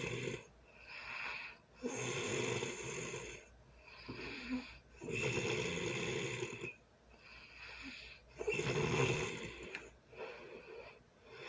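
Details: Person sleeping early Sunday morning: loud, harsh rattling snores on each breath, roughly four breaths in eleven seconds with quieter exhalations between, music in background. Heavy snoring.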